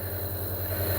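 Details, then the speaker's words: Compressor nebulizer machine running with water in the cup, demonstrated on a young man with a slight cough: a steady low motor hum as liquid is turned into mist for inhalation. "تو یہ نیبولائزیشن ہو رہی ہے جی، یہاں بھی دکھائیں، 1 minute یہاں چھوڑیں ذرا."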